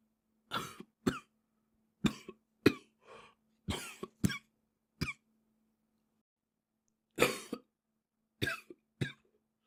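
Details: Japanese boy coughing: about a dozen short, dry coughs in irregular clusters, with a faint steady hum behind.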